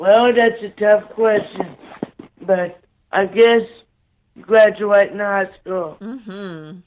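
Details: 27-year-old man with cerebral palsy after neonatal brain bleed and stroke, born three months premature, with right-sided paralysis, blindness and seizures, speaking slowly; dysarthria (cerebral palsy).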